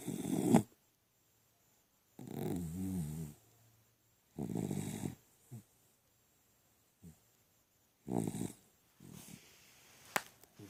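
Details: Dog asleep on his back with head resting on owner's inner elbow, loud, rough snoring with regular low rattling bursts roughly every two seconds.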